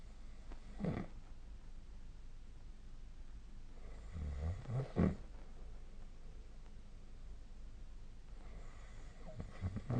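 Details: Snoring during sleep recorded with the SnoreLab snore-tracking phone app: a few low rattling snores a few seconds apart in a quiet room.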